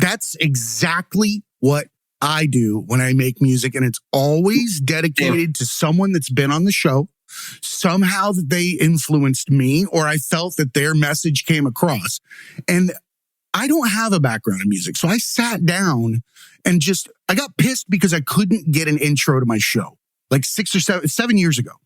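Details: Adult man; normal speech.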